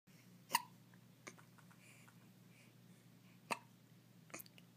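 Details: Morning hiccups: sharp, brief glottal clicks repeating every few seconds, about four in five seconds, in a quiet room.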